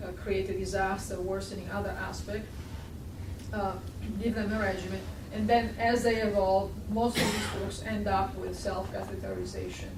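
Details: Adult speaker; normal speech.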